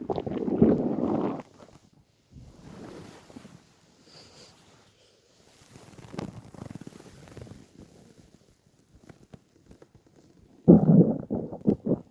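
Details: Stomach growling from hunger in a person lying on a bed after about 28–30 hours without food while dieting: low rumbling, gurgling bursts with quiet gaps, loudest at the start and end (borborygmi).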